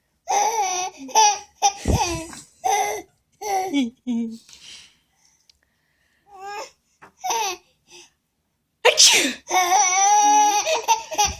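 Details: Baby sneezing once with an ordinary burst-like sneeze, laughing and babbling before and after it, as he finds sneezes funny; sneezing.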